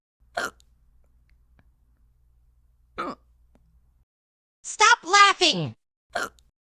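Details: Simulated cartoon hiccups voiced for the character Pencil during a kindergarten class numbers lesson: sharp, brief, squeaky hiccup sounds at irregular intervals around a short voiced utterance.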